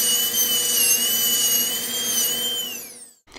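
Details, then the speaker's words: High-speed dental handpiece beveling the enamel margins of a MOD preparation for a direct composite onlay on extracted tooth #4 mounted in a typodont: a steady high-pitched whine that winds down at the end. "now with the basic preparation essentially completed we're going to turn our attention towards the beveling and we'd like to babble because it will increase the surface area of retention"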